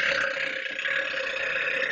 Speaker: i can never hold it in long enough ah fail burp